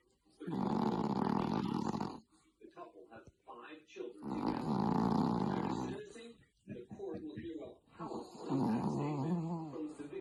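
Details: A small chihuahua dog gives very loud, long, rattling snores, each lasting about two seconds, with snorty breaths between them; snoring.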